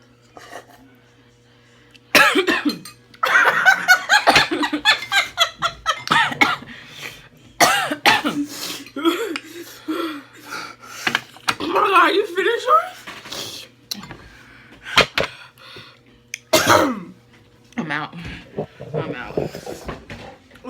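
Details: Adult coughing after eating a bite of spicy noodles in a challenge: several sharp, harsh coughs with gasping, laughter and brief vocal sounds between them.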